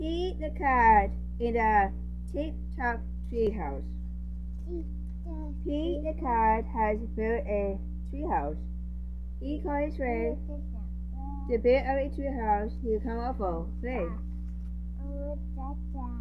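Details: Speech impediment with articulation errors, self-reported by the speaker, heard while reading a children's book aloud.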